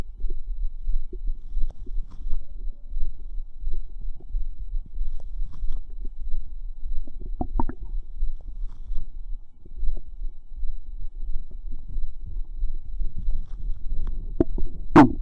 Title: Fizz Bubble Squelch Stomach Sounds part 2